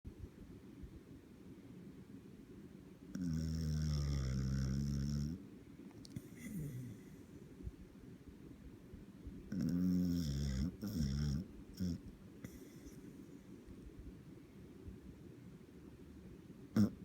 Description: Totti the Beagle in a deep sleep and snoring in a way that will make you laugh!